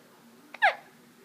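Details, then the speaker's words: A single soft click and brief squeaky catch of breath in a quiet room: hiccups in a 5.5-week-old baby girl. "hiccups she's 5 and 1 half weeks old now right"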